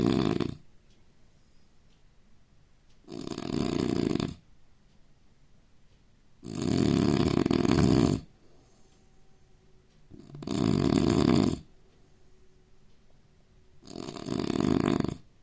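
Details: Heavy snoring from a sleeping Indian man: loud, low, rattling snores on each breath in, about 17 a minute, with quiet gaps between them.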